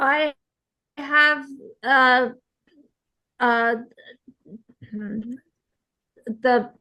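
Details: Real aphasia in an aphasia support group participant speaking conversationally, with hesitations and word-finding pauses; aphasia.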